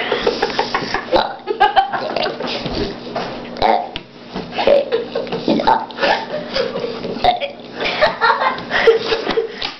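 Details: A 4-year-old boy burps on demand while counting to ten, giving repeated deliberate, rough, gulping burps one after another, with talk and laughter around him: burping.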